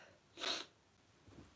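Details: A single sharp, breathy sneeze from an adult during a live chat stream at home, followed by quiet room noise and a faint breath.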